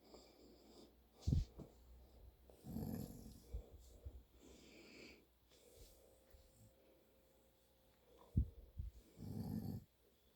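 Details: A sleeping adult man (a father) makes quiet, irregular snorts and soft rattling breaths with faint room noise: light, uneven snoring.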